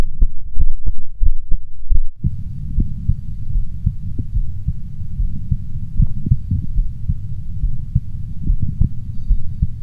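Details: Own heart auscultated at four points with a stethoscope: low, muffled heartbeat thumps at about 90 a minute over a steady background rumble; heart sounds.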